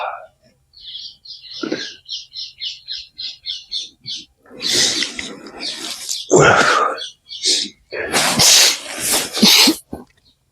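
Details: Adult man doing a saline nasal flush outdoors after a sinus infection, head tilted: a rapid run of sharp sniffing bursts, then forceful snorting and blowing of fluid from the nose.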